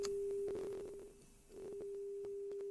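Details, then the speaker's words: A steady low-pitched 400 Hz pure test tone that dips briefly in loudness, with faint clicks behind it, played through headphones in an uncalibrated online hearing test using an up-and-down threshold search. "but you can just go up and down up and down see where you can just uh hear the tone H 400 HZ"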